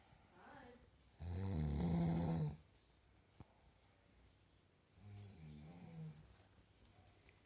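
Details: Woman (partner's twin sister) snoring while asleep on holiday: two low, rattling snores on inspiration with quiet gaps and a few faint clicks between.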